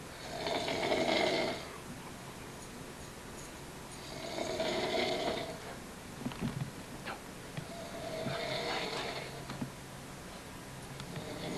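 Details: Three rough, buzzing snores on the in-breath, about 16 per minute, in a quiet small room: snoring.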